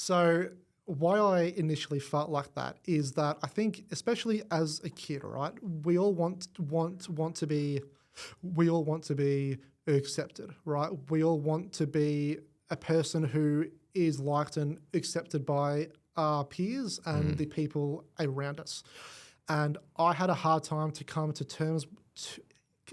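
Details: Adult male with cerebral palsy from birth affecting his left side; stuttering described as a symptom of it, first noticed around age five, gone for about a year then returned worse; treated with the McGuire Programme. Finding: stuttering.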